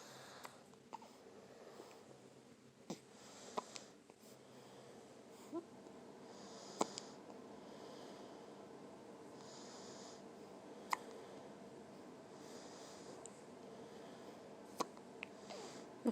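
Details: Newborn baby with hiccups: faint, sharp, irregular hiccup clicks, about seven in sixteen seconds, over quiet room noise.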